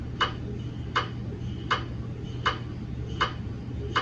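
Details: GE MRI scanner running daily QA system verification scans on a 150mm head TLT phantom (not a patient): steady, evenly spaced sharp knocks, about 80 a minute, over a low hum; gradient noise.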